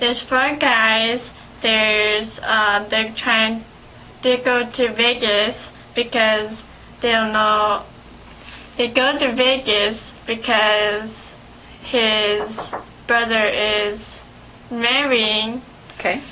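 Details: Adult female speaker; aphasia.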